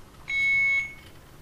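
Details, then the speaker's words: Simulated Alaris IV pump training demo, channel B running a secondary drug line alongside saline: a single high-pitched half-second alarm tone reading "occluded patient side" because the roller clamp was left closed; infusion pump occlusion alarm. "you see this here it says occluded patient side i forgot to open up my roller clamp"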